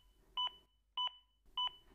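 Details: Danish AED Plus demonstration with the defibrillator guiding chest compressions: three regular two-tone electronic metronome beeps about 0.6 seconds apart, pacing compressions at roughly 100 per minute; AED CPR metronome prompt.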